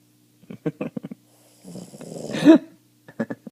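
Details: Boston Terrier dog half asleep, snoring: a few short snuffling bursts, then a long rattling breath rising into a tonal snore, then more snuffles.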